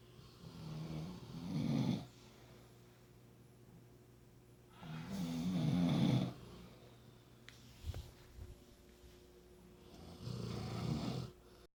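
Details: Dog and owner snoring: three loud, rattling snores at about 14 per minute with quiet pauses between breaths.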